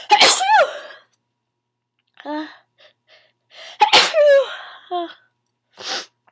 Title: Always Sneezing